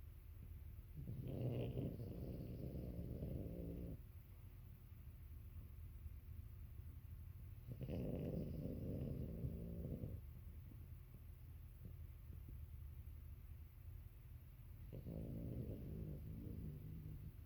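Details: Sleeping French bulldog snoring: low, fluttering snores in long breaths roughly every seven seconds, with a faint steady room hum.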